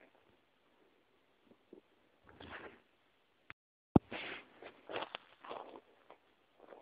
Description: English: New sounds of my empty and hungry stomach. Have fun and enjoy.